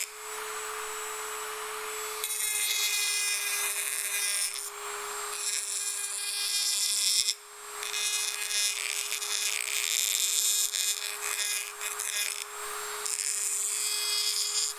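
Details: Steady high-pitched whine with bursts of scraping, grinding noise; a dental drill working on teeth, ASMR recording, no talking.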